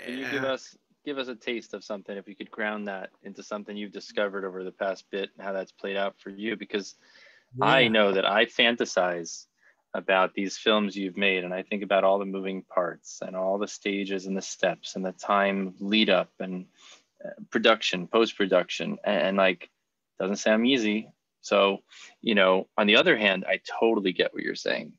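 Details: Adult man speaking; fluent speech.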